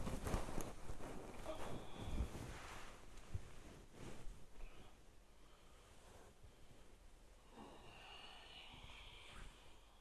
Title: Stomach Rumbling sounds (Real digestive Noise & Satisfying